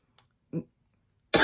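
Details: An adult woman gives a soft throaty grunt, then a sharp, explosive, single dry cough that is cut off at the end.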